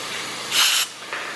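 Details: Short bursts of loud hiss over steady background noise from the dental air and water spray during an amalgam filling of an adult's chipped tooth at a dental clinic; dental air/water spray.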